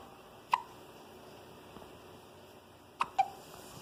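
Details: Female with hiccups: three sharp, brief hiccups over a few seconds in a quiet room, the last two close together.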